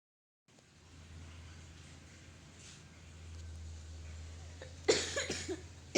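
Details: Short burst of two or three coughs after quiet room hum; the person apologizes for coughing.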